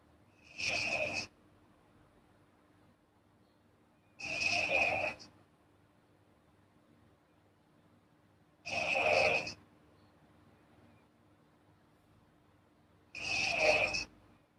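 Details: Girl snoring while asleep: four hissing, breathy snores at about 14 per minute, mostly high-pitched airflow noise with little low rumble, over quiet room hum.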